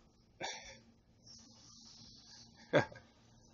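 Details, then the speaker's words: Outdoors on a road, two brief, sharp sneezes a couple of seconds apart, heard at a distance from something ahead standing in the road, possibly a dog: repeated sneezing. "he sneezed again so it just stood in the middle road sneezing sneezing as I'm coming to pass him"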